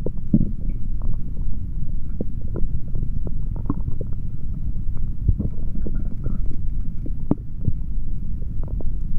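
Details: Male abdomen heard through a stethoscope after drinking a chocolate protein shake: steady deep rumbling with frequent low gurgles and small pops; ordinary active bowel sounds.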